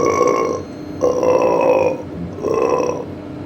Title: Big burps and farts with cake and icecream